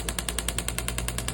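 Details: Rapid, even tapping pulses, about ten per second, over a steady low hum; a shockwave therapy handpiece treating an adult's injured Achilles tendon for pain and scar tissue.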